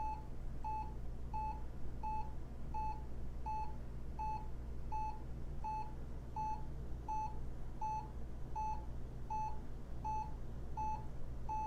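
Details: Hewlett Packard 43200MC military-surplus cardiac monitor: steady electronic beeps at about 81 a minute, one per heartbeat, over room hum.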